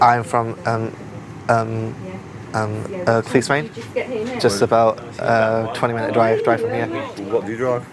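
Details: Adult man with a severe stammer since early childhood, on a four-day intensive stuttering course, with blocks and sound repetitions; stuttering.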